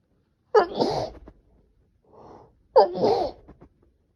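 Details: Person with a cold, sneezing, attributed to temperature swings: two sharp, explosive sneezes about two seconds apart with a soft breath between.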